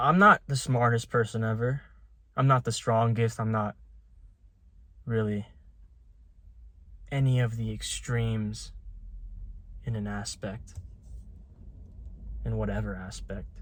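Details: Young adult man with a lifelong stutter, with syllable and word repetitions; stuttering.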